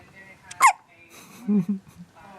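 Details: One-week-old newborn baby with hiccups: a sharp, abrupt little catch in the breathing, followed by soft baby sounds.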